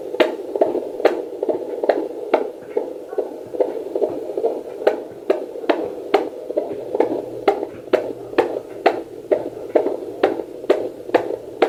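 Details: Fetal heartbeat heard at home with a portable 2 MHz fetal Doppler and gel on the mother's abdomen, reading 141: rapid, regular whooshing pulses over a steady hum, in the normal range.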